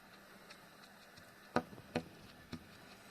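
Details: CPAP machine noise from the morning of 17 February: irregular sharp clicks and ticks over a faint steady hum; abnormal CPAP machine noise.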